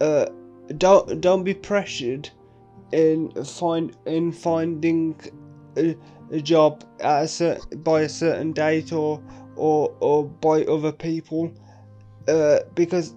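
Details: Adult man with quadriplegic cerebral palsy, currently in a game development apprenticeship; speech shows word repetitions; dysarthria with word repetitions (cerebral palsy).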